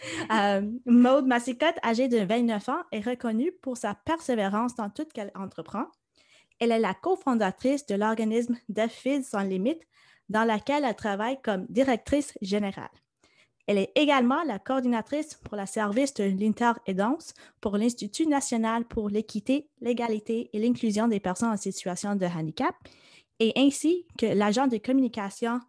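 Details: Adult woman speaking French; typical speech.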